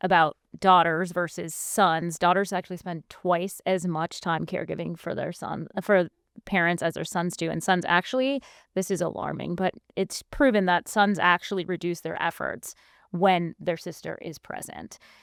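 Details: Adult woman speaking; normal speech.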